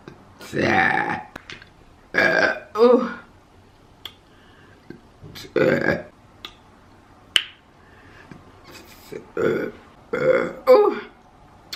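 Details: Repeated burping during a mukbang eating session: about six loud, rough, voiced belches over twelve seconds with short pauses between them.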